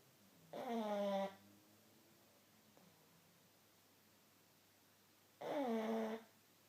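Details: Pug napping on the back of a sofa: two tonal, buzzing snores about five seconds apart in a quiet room; snoring typical of a flat-faced dog.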